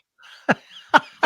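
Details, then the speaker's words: Adult with bronchitis, reportedly liquid in the lungs and taking Mucinex, gives three short, forceful wet coughs in quick succession with faint breathy noise between them: a chesty bronchitis cough. "we we all know that long before the cough John had nothing to do with that bronchitis do you hear that that's the liquid in my lungs"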